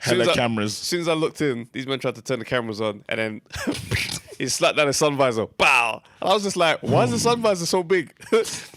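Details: Adult man speaking; normal voice.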